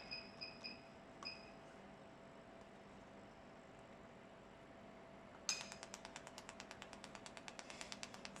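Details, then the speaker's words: Fractional CO2 laser demonstration in repeat-pulse mode at increasing powers (5, 10, 20, 30 W), with the spot growing larger: a few faint beeps, then a steady train of quick sharp clicks over a quiet hum. "okay that's all for the demonstration of the repeat post you can see the spot is bigger and bigger from different power"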